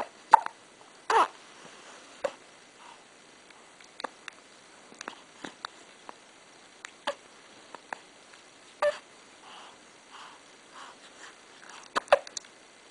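Short, sharp, repeated hiccup sounds at irregular intervals in a quiet room; ordinary hiccups.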